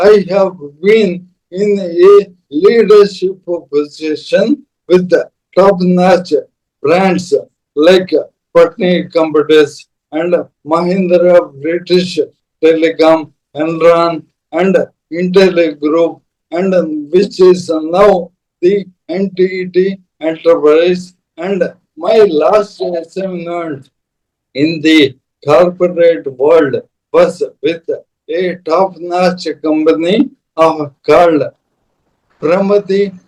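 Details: Adult man, a corporate strategist of 30+ years, with Parkinson's from 2022, diagnosed late, later ALS (motor neuron disease); mobility and speech very severely affected; slow speech with long pauses; dysarthria (ALS / motor neuron disease).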